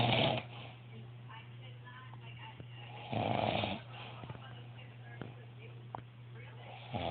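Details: Person snoring heavily in sleep: loud, rough snoring breaths at irregular intervals over a steady low hum.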